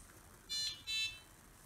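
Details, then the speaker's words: Syringe driver in hospice home-care setup training, after a prefilled 20 ml syringe is clicked in and the top lever is twisted back to hold it: two short high beeps confirming correct loading. "done it correctly the syringe driver should beep and now we can see the name of a syringe in this case it says 20 mils to room Oh"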